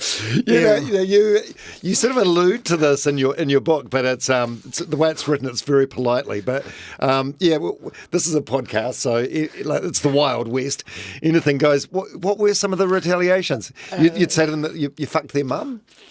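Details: Adult male podcast host; typical speech.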